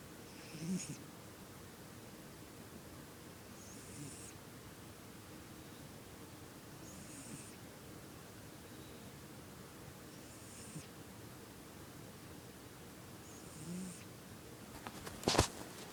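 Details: Two-year-old tabby cat sleeping beside its owner: soft, regular breathy snoring, about 19 breaths a minute, in a quiet room.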